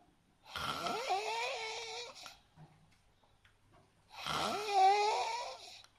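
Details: Unusual snoring during sleep: two long snores, each a rough start rising into a whistling, wavering, almost moaning tone, with quiet breathing between.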